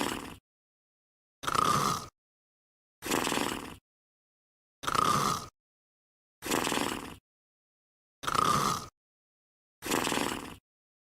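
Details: Sleeping dog snoring: rhythmic snoring bursts about 37 per minute with silence between them.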